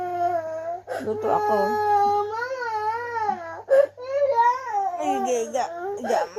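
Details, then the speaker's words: Sick young boy: sustained, wavering, whimpering cry with short catches of breath; distressed crying. "What's your problem? Bakit iiyak? Bakit? Anong problem mo? Ba't umiiyak?"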